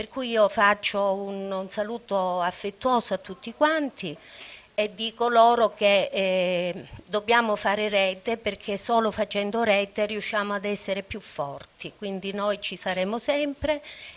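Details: Adult woman speaking; normal voice.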